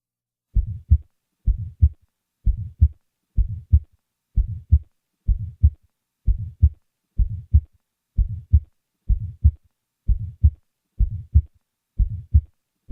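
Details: Innocent systolic ejection murmur in a normal individual: a steady heart rhythm near 65 beats a minute with a soft, short murmur early in systole.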